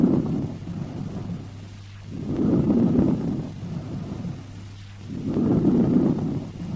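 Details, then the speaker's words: Soft, low-pitched (200–400 Hz) rustling breath sounds at the lung base, about 20 breaths a minute: normal vesicular breathing. "This is the normal breath sound heard at the base of the lung and is termed as vesicular breath sound. Listen to the vesicular breath sound and note its soft, low-pitched, rustling quality."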